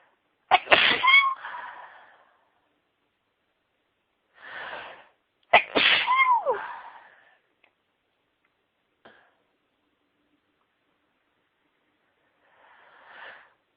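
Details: Woman in a sneezing fit: two sharp, high-pitched sneezes, each followed by a brief squeaky tail, with faint softer sounds between; ordinary sneezing.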